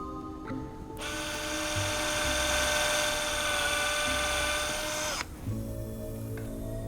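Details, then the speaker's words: Surgical bone drill during high-risk custom neck spine fusion surgery on Mr Mac, a paralysed Great Dane with severe nerve damage: steady high-pitched whine for about four seconds, starting and stopping abruptly, drilling into T1 beside the venous sinus. "Okay, I'm just going to drill now into T1 right next to the venous sinus. Keep an eye on that anesthetic."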